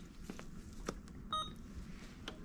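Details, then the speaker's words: Alaris IV infusion pump started after unclamping the line, running a sodium chloride bag at 125 mL/hour with 1000 mL volume to be infused: single short electronic beep amid soft room noise and handling; IV pump start beep. "now once we are all set and we are good we are going to unclamp our patient and then we're going to press start"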